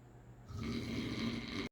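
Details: Sleeping dad giving a single low, rumbling, fluttering snore on the in-breath that is cut off abruptly; quieter than a minute earlier; snoring.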